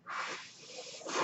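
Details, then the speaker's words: Airy hiss of the speaker's own mechanical ventilator pushing air, swelling near the end as the next breath starts, as he speaks. "name is that noise you raised my ventilator"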